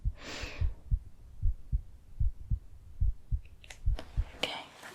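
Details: Real heartbeat heard through a stethoscope during history-taking in an ASMR home cardiology-exam roleplay: normal heart sounds.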